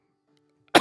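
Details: Cough from a live-streaming gamer who reports pollen-allergy sniffles and a runny nose and has been hacking a little.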